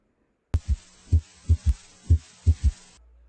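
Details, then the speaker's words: Simulated S3 heard with the stethoscope bell placed lightly at the apical impulse, patient in left lateral decubitus position: heartbeat about 62 a minute with an extra low, dull sound after S2, a gallop; disappears with firm bell pressure. "if the patient had an audible s3 it would sound like this"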